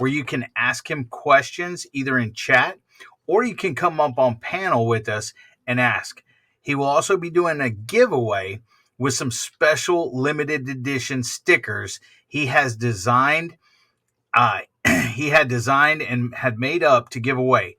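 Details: Adult male speaker; normal speech.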